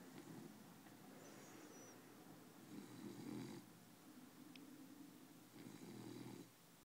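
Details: Snoring, at times loud enough to wake others at night: soft, rumbling snores with each breath, about 20 a minute, with faint room noise.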